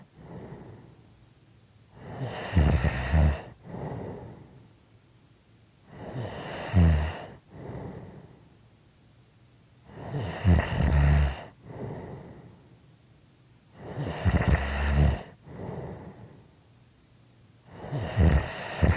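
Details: Loud, rattling inspiratory snores with softer exhalations, about 16 breaths a minute; typical sleep snoring.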